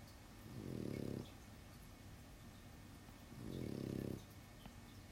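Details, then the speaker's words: Snoring from a small dog sleeping in the background of a room; dog snoring. "Yeah, if you're coming in late, that sound in the background is my dog snoring. Is it really annoying? Or is it just, it's just there?"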